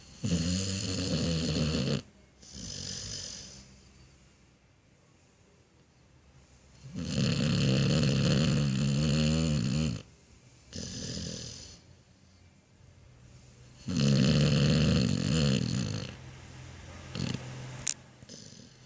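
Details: Sleeping dog snoring: loud, rattling snores on each breath in, with softer breaths out and pauses between; snoring.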